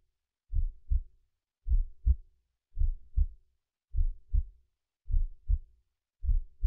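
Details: Steady paired low thumps at about 52 beats a minute, from the recordist's own mono heartbeat recording converted to stereo with a slight binaural pitch shift; slow, regular normal heartbeat.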